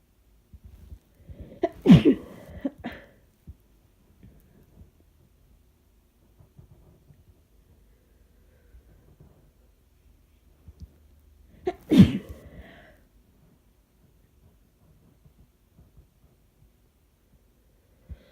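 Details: Covered sneezes while sick: two muffled sneezes about ten seconds apart, each preceded by a quick indrawn breath, in a quiet room.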